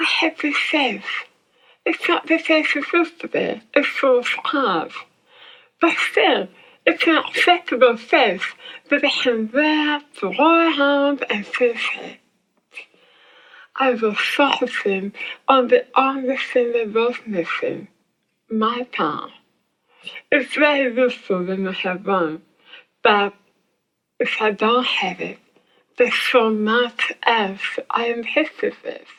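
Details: Speech impairment in a woman after glossectomy for squamous cell tongue cancer, with the tongue reconstructed from abdominal muscle. Her speech became hard to understand afterwards.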